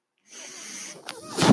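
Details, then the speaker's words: Sound of the speaker's home mechanical ventilator heard in the background during podcast speech. "my name is that noise here is my ventilator welcome to page-turners"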